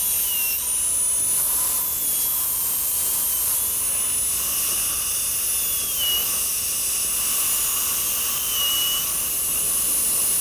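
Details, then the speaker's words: Dental drill: steady high-pitched whine, pitch dipping under load, as a number one round (carbide/lomb) bur cuts seating dimples through lingual enamel of maxillary anterior abutment teeth for twist-drill pinholes, three-unit anterior bridge preparation, patient with congenitally missing lateral incisors. "You can use either a half or number one carbide and the purpose of this is just to make a seat for the twist drill and we do… drill with the twist drill."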